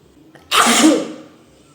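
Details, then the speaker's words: Female doing a chilli-flakes sneezing challenge of 20 sneezes, with nose burning: a soft catch of breath, then one loud explosive sneeze tailing off over about half a second. "19 बस एक बार और मेरा last स्नेज बचा है 19 स्नेज complete कर लिया है मैंने"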